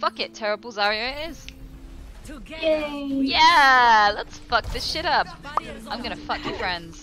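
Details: Tourette syndrome vocal tics with coprolalia, including involuntary swearing and phrases during a live stream.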